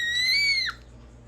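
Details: Infant crying from a baby boy with a prenatal diagnosis of congenital pulmonary airway malformation (CPAM), who just woke up and is probably hungry: a single brief, very high-pitched, clear cry or squeal, followed by quiet room sound.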